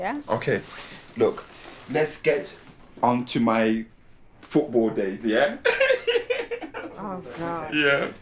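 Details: Former professional footballer who had a stroke at age 36, initially with severe aphasia and no speech; two years post-stroke he still has word-finding difficulty, consistent with aphasia.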